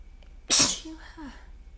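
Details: Sneezing during a person's allergy-attack fit that grows more forceful and congested: a single sharp, explosive sneeze with a hissing burst of air, then a short voiced tail.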